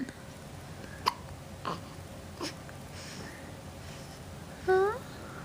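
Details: Several short, sharp hiccups about a second apart, then a brief vocal murmur; a young child mumbling while having recurring hiccups.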